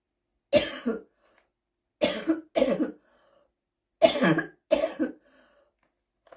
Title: Seasonal Smokers Cough 2